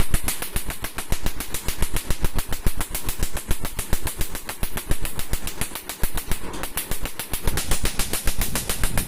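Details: Rapid, steady snapping pulses of a laser firing during permanent tattoo removal on a man's skin; removal may need three to four sessions depending on ink depth.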